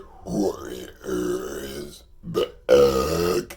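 Four loud, voiced, croaking belches in quick succession: repeated burping as swallowed air escapes the stomach.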